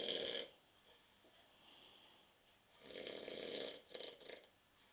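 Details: Adult man (husband) asleep on a sofa at 9:30 p.m. after too many beers, with rough, rattling inspiratory snores, two in about five seconds, and quiet breathing between; ordinary sleep snoring.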